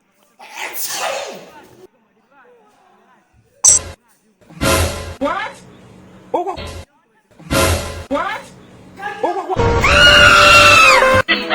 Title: WHEN THE TEACHER SNEEZES 😂😂😂